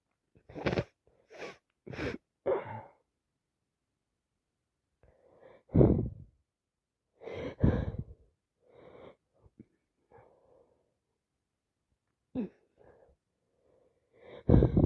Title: Awful cold still here , sneezing, sniffing, blowing and some coughing